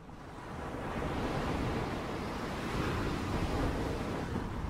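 Steady, soft rushing ocean-surf noise from a hearing aid's tinnitus relief program; a voice briefly starts at the very end.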